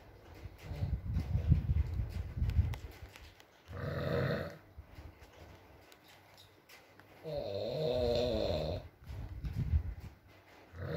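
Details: Adult man (boyfriend) asleep, ASMR recording: rattling snores on inhalation with quieter breaths between, over steady rain-like background noise; ordinary snoring in sleep.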